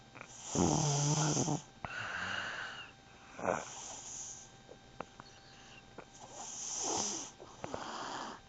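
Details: Snoring during sleep: irregular rough, rattling breaths, some with a whistling edge, over steady room noise.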